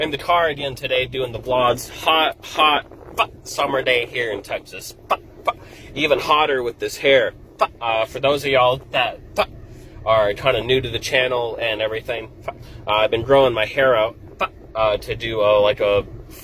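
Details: Adult man with Tourette syndrome; vocal tics.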